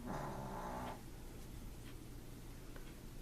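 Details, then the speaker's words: Female Pomeranian snoring: a brief, low, buzzy, rattling breath sound, then quiet room noise with faint clicks. "anybody heard that noise back there that's our little Pomeranian she's snoring"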